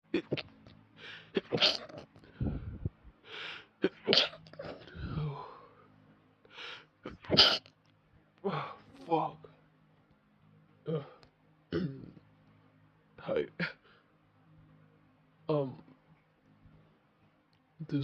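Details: Sneezing bout set off by sniffing chicken, with attempts to hold the sneezes back: roughly a dozen small, sharp, stifled sneezes with short breaths and gasps between them in a quiet room.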